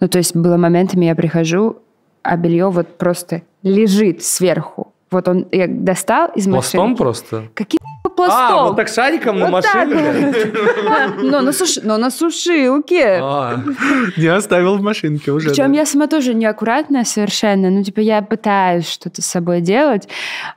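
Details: Adult woman speaking; normal speech.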